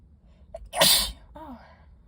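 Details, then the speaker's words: A brief in-breath, then one loud, hissing sneeze and a short voiced exhale, in someone with allergies after exposure to dusty bookstore books, recorded in a parked car: an allergic sneeze. "so I pulled over um and I'm now in a parking lot that I hope is secluded enough um and I'm gonna sneeze"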